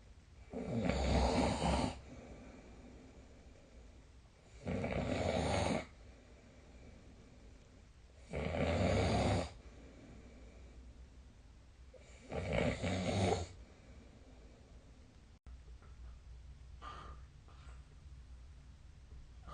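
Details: Sleep snoring recorded on 2024/12/26 with the SnoreLab app: loud, regular snores on each breath in, about 15 a minute, separated by quiet exhalations.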